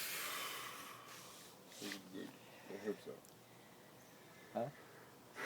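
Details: Drunk man having a sneezing fit but unable to sneeze: a few short, forceful nasal snorts like stalled sneeze attempts, over faint room noise.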